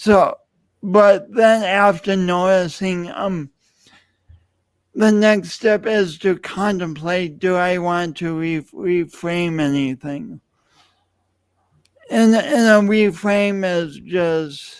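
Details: Adult male speaker; speech impediment.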